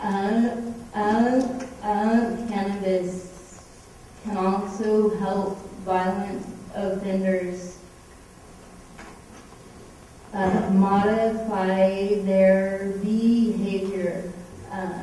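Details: Stuttering in an adult woman with cerebral palsy, a medical marijuana patient, who says the stutter is the most visible manifestation of her cerebral palsy.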